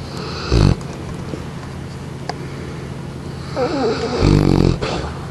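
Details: Neapolitan Mastiff, female, 6 years old, 153 pounds, asleep and snoring loudly before being woken: two deep, rumbling snores, with a faint squeaky whine as she begins to stir.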